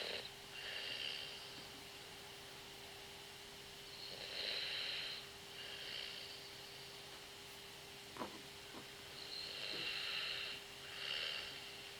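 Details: Snoring during the night, with both inhalation and exhalation loud: soft, hissy breathing noises every few seconds over a steady background hum.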